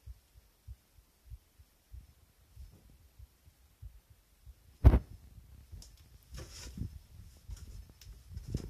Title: heart sound 💓💓💓💓💓